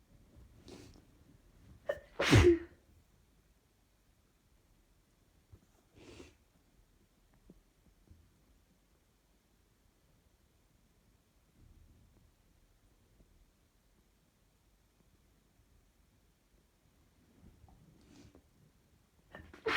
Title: Sneeze attack female allergy